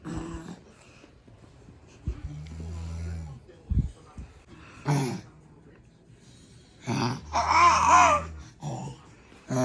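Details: A newborn baby boy imitates his older sister's snoring while she sleeps beside him: low, buzzing snore-like noises between babbles, imitated rather than real snoring, with soft room noise. Snoring imitation.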